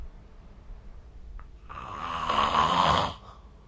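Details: A single rising, rattling, coarse, moderately loud snore on an in-breath during sleep, recorded with the SnoreLab snoring app.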